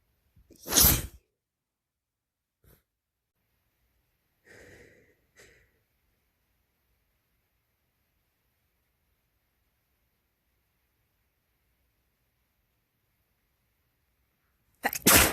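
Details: A male producing induced sneezes in a compilation, which make them messier: a loud explosive sneeze, quiet sniffs and breaths, then the start of another sneeze.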